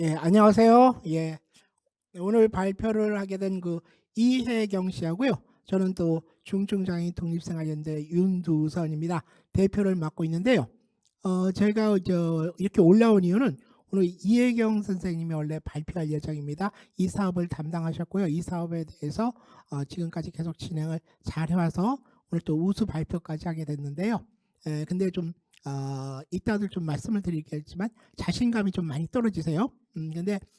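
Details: Adult speaker; Typical speech.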